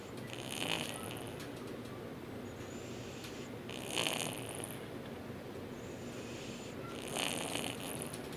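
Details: Three soft, raspy snoring breaths at about 18 a minute over steady background hiss; snoring.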